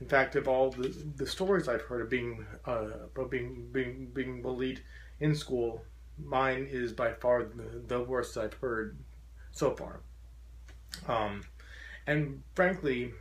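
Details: Adult man with a very severe stutter since childhood, once taking up to five minutes to say his name, who says he still stutters profoundly; stuttering.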